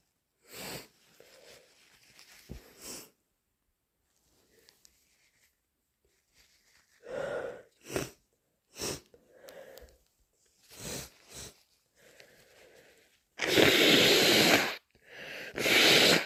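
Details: Sneezing induced with chhinkni in a person with a cold: sniffs and indrawn breaths build to several forceful, wet sneezes, with a loud nose blow near the end.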